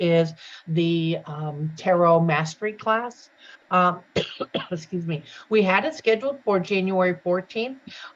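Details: Adult woman speaking; Normal voice.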